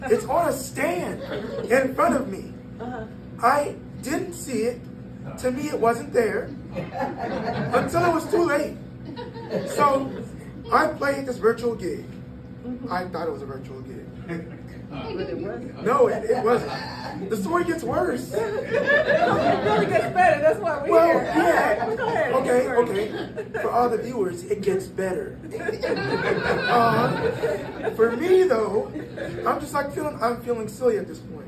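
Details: 22-year-old man born prematurely at about one pound, vocal cords developing after birth and still not closing fully; breathy voice from incomplete vocal cord closure.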